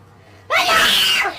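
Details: A person announces they need to sneeze, then after a quiet lead-in lets out one loud, drawn-out sneeze, pitch-shifted by a voice changer.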